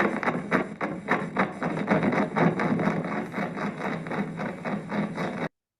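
Crackling bursts repeat in a steady, semi-rhythmic tramping pattern about four times a second, like marching feet: myokymic discharges on EMG.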